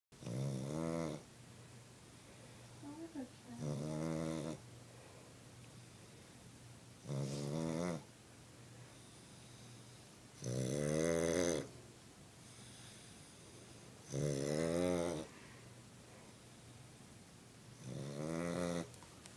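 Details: Sleeping dog that snorts a lot: regular snoring with a buzzing snort on each breath, about 17 breaths a minute; loud dog snoring.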